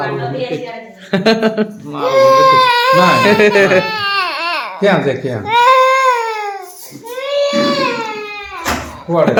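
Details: Village baby crying for food: loud, rhythmic infant wails in long rising and falling bursts, angry hunger crying.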